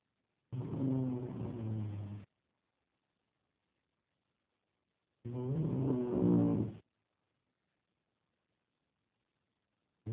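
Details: Adult snoring: two long, low, vibrating snores about 5 seconds apart, roughly 13 a minute, with silence between.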